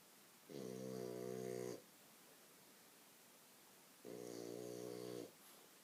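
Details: Sleeping French bulldog lying on its owner's legs, snoring: two long, even, buzzing snores, each a little over a second, in a quiet room; snoring.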